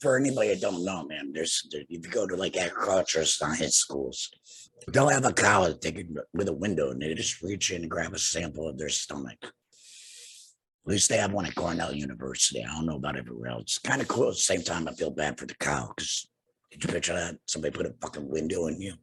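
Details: Adult man, two years after total laryngectomy for cancer treated with radiation and chemotherapy, with no larynx and breathing through a neck stoma, speaking with a tracheoesophageal puncture (TEP) voice prosthesis and using an HME: tracheoesophageal speech after total laryngectomy.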